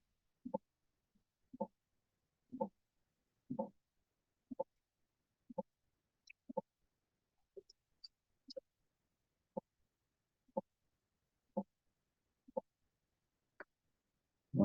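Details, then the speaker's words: Heart auscultation teaching demonstration; regular heartbeat at about 60 a minute with a soft, low diastolic rumble from a blocked mitral valve: diastolic murmur of mitral stenosis. "Oke, setelah itu ada senenosis yang butuh ini diastolik murmur metral senosis pakis Terus ada yang buntu enggak bisa masuk ya."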